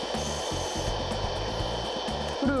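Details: Electric baby nasal aspirator (Hanil Pogeun) held lightly at a seated child's nostril: steady motor hum with low pulsing rhythm and faint background music.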